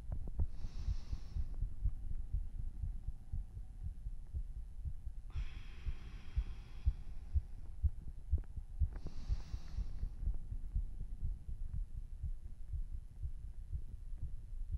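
Fast, deep thumping heartbeat around 120 a minute with a few soft breaths; a normal heart racing after hard exercise.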